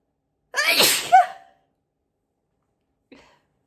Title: loud high pitched apchhee sneezes